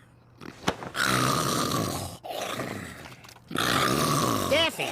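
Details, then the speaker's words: Animated cartoon snoring scene: loud, rough, rumbling staged snores in long inhaled bursts, with another character telling the snorer to wake up. "Hey, wake up. Come on, you're snoring."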